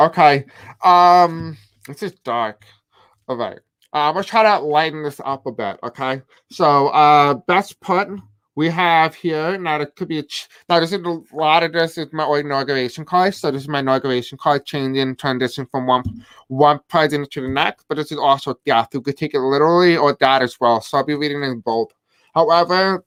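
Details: Adult man with a deaf accent who may have difficulty pronouncing certain words; deaf speech (deaf accent).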